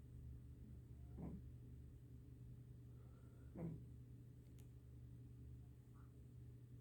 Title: My snoring cat